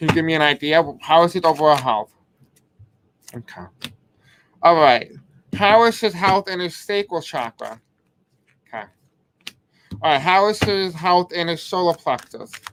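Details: Adult man with a deaf accent who may have difficulty pronouncing certain words; deaf speech (deaf accent).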